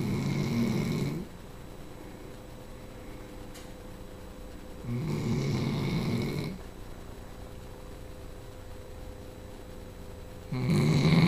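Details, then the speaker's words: Female Labrador dog sleeping: loud, deep, rumbling snores roughly every five seconds with quiet pauses between them; snoring. "There's a snoring girl. Your big snores."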